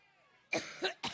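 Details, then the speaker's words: A woman coughing during a campaign speech in Cleveland on 9/5/16, jokingly blamed on being "allergic" to Trump: two short, harsh adult cough bursts, part of a longer coughing fit. "I've been talking so every time I think about Trump I get allergic boy we have 16 three days to go"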